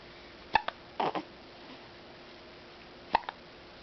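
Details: Hiccups: two short, sharp bursts about two and a half seconds apart, each with a small catch after it, in a quiet room.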